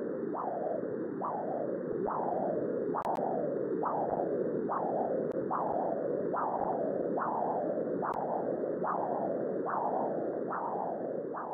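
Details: Normal middle cerebral artery transcranial Doppler signal.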